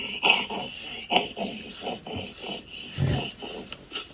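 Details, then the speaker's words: Stridor in a child, caused by airway narrowing and turbulent airflow: rapid, harsh, noisy breaths with a high-pitched grating sound on each breath. "a child with strider you can hear a hard respiratory noise with which is due to airway narrowing causing turbulent airflow"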